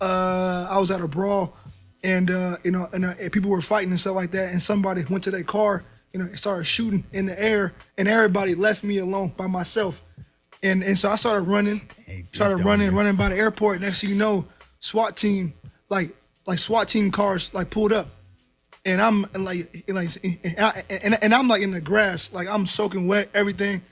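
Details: Man, 24, who has stuttered all his life; stuttering.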